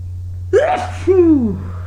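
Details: Single sneeze after running in cold early-morning air: voiced 'ah' intake, then a sharp vocal sneeze trailing off in a falling tone, over a steady low hum.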